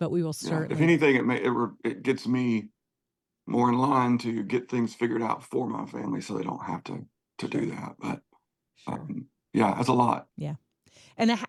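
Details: Spasmodic dysphonia in an adult male singer whose voice goes gravelly sometimes, more when talking than singing; he works with a voice therapist before concerts and has a history of cancer diagnosis and treatment.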